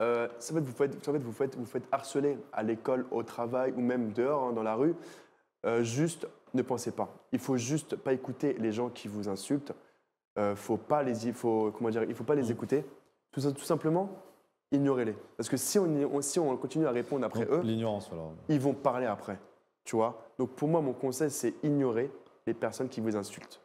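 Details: 24-year-old man who stuttered a lot as a child and now stutters a little less, and not when performing magic; mild stuttering.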